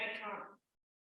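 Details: Expressive aphasia after a stroke at age 19, shown as a clinical example after being asked her name, illustrating that fluency is relative.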